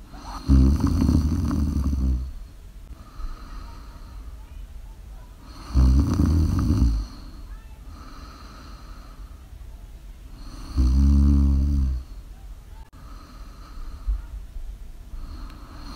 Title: 🔴Live: Snores Live ASMR